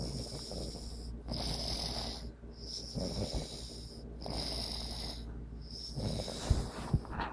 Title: Primo Snoring ! :))